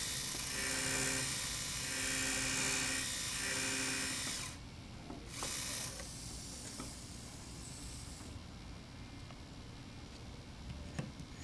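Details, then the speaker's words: Dental implant osteotomy for a 13 mm implant using a 2.0 mm drill with a 13 mm drill stopper (MIS surgical kit, W&H Implantmed motor): high-pitched whine in repeated bursts from in-and-out motions that prevent overheating and burning the bone. "it is best the drill with in andout motions to prevent the drill from overheating and burning the"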